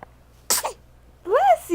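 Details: Recorded with a Flip Video camera: one sharp, hissing sneeze burst followed by a brief spoken voice; a single sneeze.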